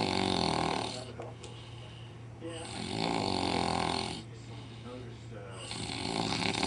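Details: After a night of drinking in Las Vegas, an adult deliberately imitates a pig's snore with loud, rattling snorts in long breaths over a steady low hum; snoring imitation.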